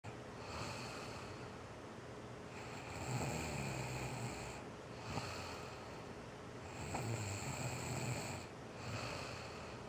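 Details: A sleeping female snoring, unaware she was snoring until shown the recording: steady snoring with low, rough snorts, about 16 breaths a minute, over a constant background hum; snoring.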